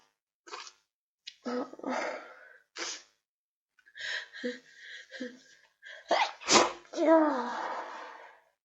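Catching breaths building up to a few wet, explosive sneezes; sneezing with a cold.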